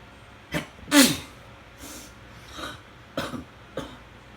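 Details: Sneezing fit while trying to sleep, on a cleaning day with a weather change, cause uncertain: about five short, sharp bursts of air in quick succession, one louder than the rest; three more sneezes followed unrecorded.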